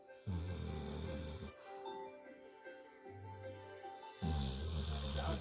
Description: my labrador snoring her head off..